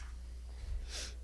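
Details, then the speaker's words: Sleeping dog snoring: a single soft snorting breath, over a steady low room hum. "can you hear Hilo snoring I can he just snoring away down there"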